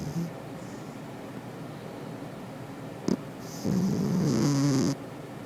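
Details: Cat sleeping: quiet breathing noise, then one longer rattling, wavering low snore with an airy hiss on inhalation; snoring.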